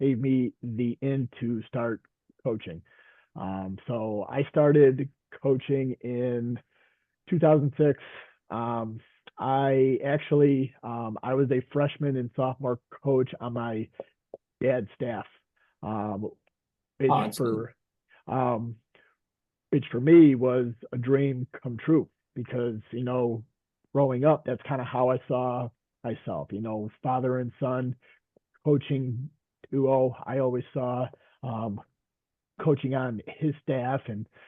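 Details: Adult veteran high school coach and special education teacher who stutters; stuttering.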